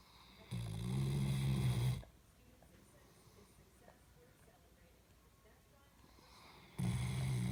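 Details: A dog snoring in sleep: two loud, low rumbling snores about five seconds apart with quiet breathing between.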